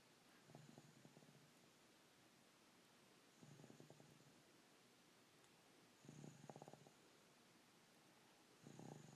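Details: Snoring while napping on Easter Day: rhythmic low rattling snores, one per breath, about 22 a minute, over steady room noise.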